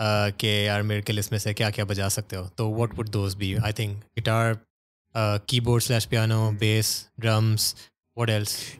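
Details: Adult male speaker; Normal fluent speech.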